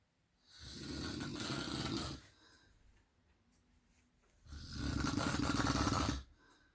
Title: My guy can snore